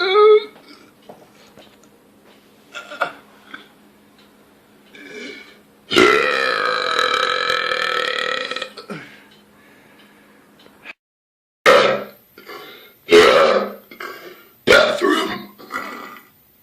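A long, loud, voiced belch of about two and a half seconds, followed by several shorter burps: repeated burping.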